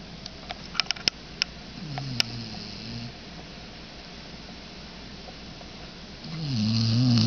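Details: Dog snoring while napping after the dog park: low, rumbling snores rise twice under scattered clicks and handling noise.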